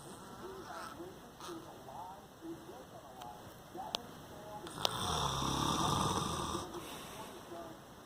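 A single long, rough snore from a napping adult, with television talk in the background.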